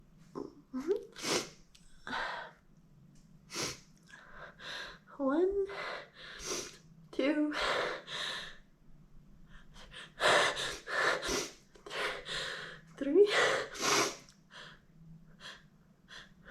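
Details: Deliberately holding back a sneeze: repeated sharp indrawn gasps and catching breaths building toward a sneeze that does not fully come; gasping.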